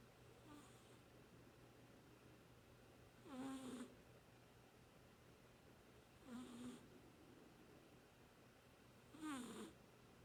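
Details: Cat (Jake) asleep, curled with paw under his head after half waking: soft, whistling snores about every three seconds, roughly 20 per minute, in a quiet room.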